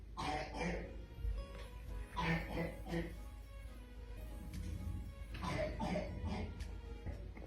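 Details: Child with an acute cough, harsh coughing in repeated short bursts with music playing in the background; acute cough.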